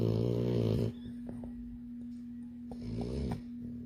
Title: Puddin / The labrador puppy that snores in her sleep 💤 😍 / @Nils'Garden